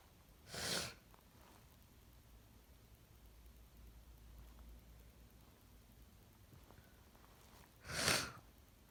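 Two short, harsh bursts of air several seconds apart in a quiet room, each a single cough.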